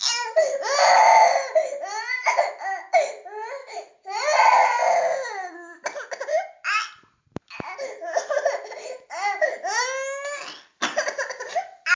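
Loud, insistent baby crying in long wails broken by short gasping sobs; an angry, vigorous infant cry from a sound-effect recording.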